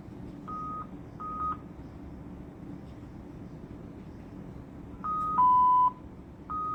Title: Sounds of the ICU: Alarms